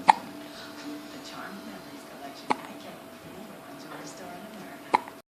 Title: has the hiccups